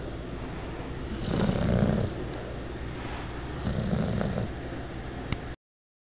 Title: My Fat Bulldog Snores